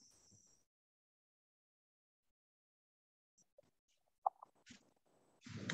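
Faint, quiet breath sound with a few scattered low popping clicks, consistent with coarse crackles from airway secretions.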